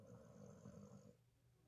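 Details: Loud snorer, louder than a human; one brief, low, rough snoring breath fading into quiet room noise.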